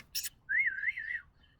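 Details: Woman with Tourette syndrome, tics since age five or six, demonstrating a whistling tic from childhood; vocal tic (whistling).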